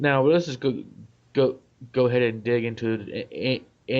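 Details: Adult male who stutters; word repetition; stuttering.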